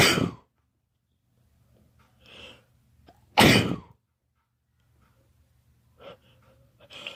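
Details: Two strong sneezes with quiet breaths and low room hum between them; allergy sneezing, recorded whenever a sneeze came on during one day and collected together.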